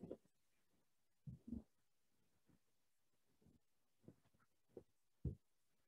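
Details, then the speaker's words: Audible hip popping during yoga hip rotations on the left side, left knee drawn up and falling out to the side with the right leg straight or bent, noticeably different from the other side; hip joint popping. "how this side feels different if you can hear my hip popping that is a difference for me"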